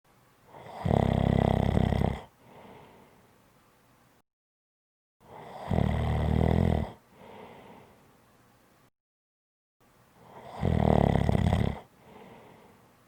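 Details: Snoring, three loud, rough inhaled snores about every five seconds, each followed by a soft breath out; heavy snoring.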